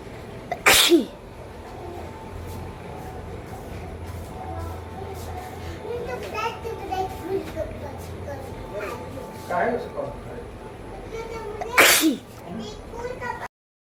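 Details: Two loud sneezes about eleven seconds apart, set off by tickling the nose with rolled paper during a nose-blowing sneezing challenge, with eyes tearing; background music and distant voices.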